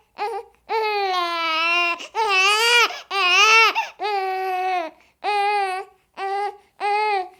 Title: Sound of a Crying Baby for 30 minutes